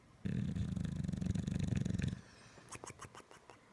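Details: Bulldog snoring in deep sleep: a loud, rattling, fluttering breath lasting about two seconds, then quieter snuffles.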